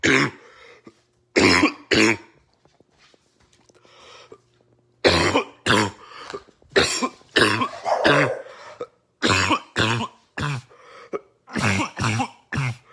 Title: Barking Cough Compilation 2